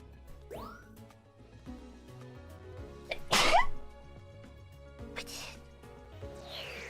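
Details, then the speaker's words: A triple sneeze: one sharp loud sneeze followed by softer bursts, over background music and chimes; afterward they say they're fine and mention their nose. "That was a triple. I'm fine. Yeah, my nose."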